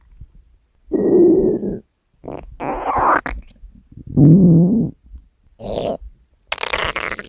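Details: Woman's stomach growling recorded while sleeping: irregular low gurgling rumbles in separate bursts with quiet gaps; ordinary borborygmi.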